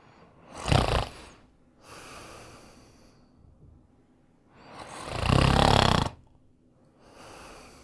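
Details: Snoring: two loud, rumbling, rattling inhalations alternating with softer breathy exhalations, about 13 breaths a minute.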